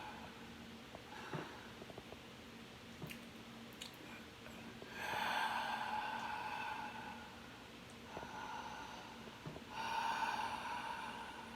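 Quiet breathing with two drawn-out, whistling nasal snorts during sleep; snoring through a congested nose.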